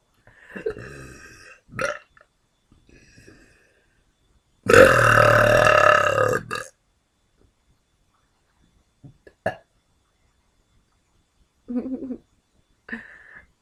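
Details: Person deliberately burping on the quiet side to avoid disturbing neighbours: one loud, drawn-out belch of about two seconds with a few shorter burps and faint sounds around it.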